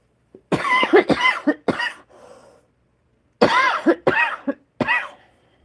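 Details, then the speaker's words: Adult woman with a cold: two fits of repeated, harsh, wet, phlegmy coughing with a pause for breath between bouts. Cough. "all this cold was the worst you guys I had to get some more water I don't know how much of that grossness you can hear when I'm coughing"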